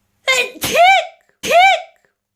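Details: Two loud voiced sneezes, the first with a sharp inhaled lead-in, each ending in a clear "choo"; sneezing.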